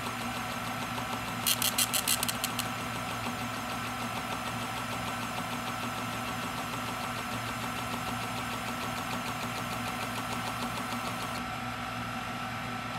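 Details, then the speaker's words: Built-in printer of an OSM100100 freezing point osmometer printing single-test osmolality results: a brief burst of rapid mechanical ticks over a steady machine hum, then continued whirring as the printout runs; osmometer printer. "and these are our results you have the option to save into the system and also to print out the results onto this sheet here"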